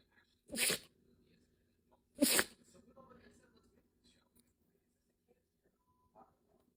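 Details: A dog sneezing: two sharp, hissing sneeze bursts about two seconds apart, with faint room sounds in between.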